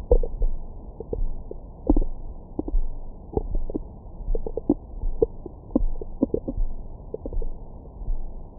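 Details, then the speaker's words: Recorded with a Stemoscope stethoscope microphone on the belly after a large meal: frequent low gurgles and short squeaky rumbles over a steady hum, active normal bowel sounds. "뱃속 안에는 다양한 생물들이 살고 있어요. 안에 뭔가 화가 잔뜩 나신 아주머니도 계시는 것 같고 막 한 번씩 아 이런 느낌의 사운드도 들어보실 수 있습니다."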